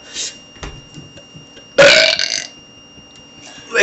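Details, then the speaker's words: Boy burping on purpose close to the camera: a single loud, drawn-out burp lasting about half a second, with faint room noise before and after. "That's a burp. He burped."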